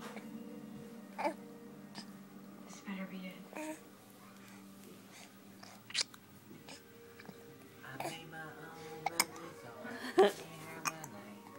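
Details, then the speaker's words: Infant (grandbaby) with hiccups: short, sharp catching sounds recurring at irregular intervals over a steady soft background tone. "You talking to yourself? Oh, you get the hiccups."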